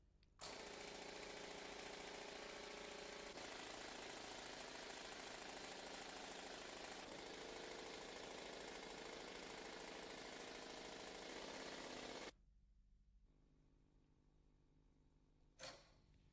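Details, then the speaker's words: Loud rapid mechanical hammering, about four pulses a second for twelve seconds then stopping: an Air Pulse pneumatic driver, connected by a special connecting screw to the insertion handle, slowly advancing an unreamed tibial nail (UTN) into the medullary canal. "then the utn is slowly advanced into the medullary canal with the air pulse"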